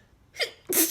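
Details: Sneezing from an adult with a bad summer cold.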